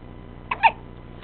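A single short, sharp hiccup, a brief catch of the breath with a small clicking sound, against steady background hum.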